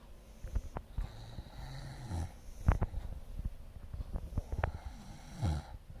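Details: Snoring: irregular low snorting snores with rattly breaths and soft snuffles; ordinary snoring.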